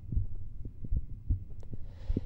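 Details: Normal heart sounds heard through a stethoscope at the base of the neck, checking for radiating aortic stenosis murmur. Soft, low heartbeat thumps with faint background hiss.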